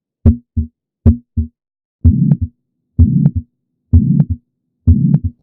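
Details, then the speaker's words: Heartbeat about 64 a minute with rushing whooshing sound filling the gap between beats; heart murmur, turbulent blood flow. "now if you could get your ear on that garden hose you'd hear it and that's all the murmur is all ammonia means is turbulent flow"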